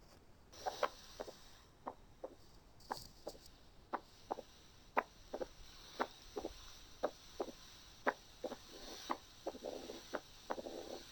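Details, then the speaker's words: Mitral stenosis as the patient moves from supine to left lateral position: opening snap, then mid-diastolic and late diastolic murmur growing louder until it fills all of diastole. "وفي اخر جزء من الساوند خالص لاحظنا انه بدأ ياخد كل الدايستولي، تمام، الميد دايستوليك والليت دايستوليك."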